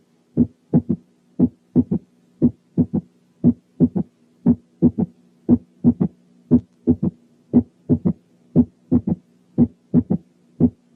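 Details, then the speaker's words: Third heart sound: regular heartbeat near 60/min with a soft, low-pitched extra sound just after S2. "تعالوا كده نسمع حالة فيها ثيرد هارت ساوند."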